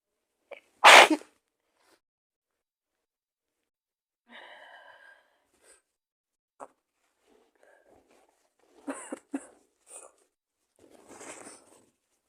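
One loud, explosive sneeze followed by quieter breaths and sniffles. The sneeze is acted for a roleplay.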